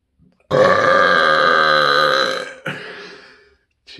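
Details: A voluntary burp, one long, loud, rumbling burp of about two seconds followed by a softer trailing burp.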